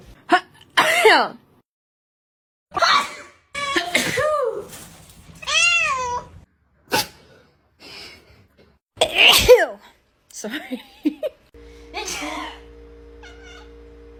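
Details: Cat sneezing attack: a run of repeated sharp sneezes mixed with short meowing calls.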